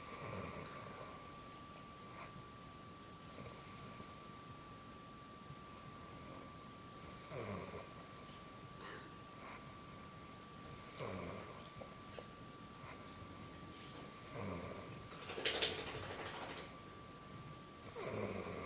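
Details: Snoring: soft, hissing snores recur roughly every four seconds, with a faint steady tone and room noise in the background.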